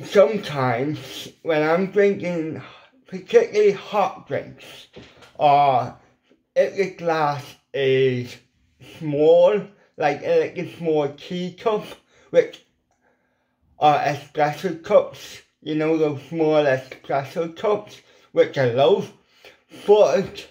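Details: Dysarthria in an adult man with lifelong ataxic cerebral palsy, plus involuntary hand shake and epilepsy; CP affects the muscles around his mouth, leaving his lips paralysed and weak; as a child, at times only his mother understood him; impediment lifelong.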